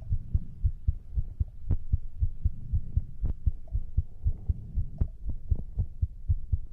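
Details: Steady, regular low heart thumps at about 118 beats a minute with a faint hum behind them, a heartbeat recording compiled for sleep ASMR.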